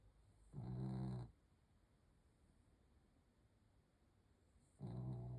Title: Blue snoring last night